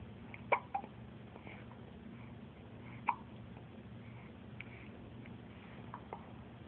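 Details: A few soft, sharp hiccup bursts at irregular intervals over steady room hum; hiccups.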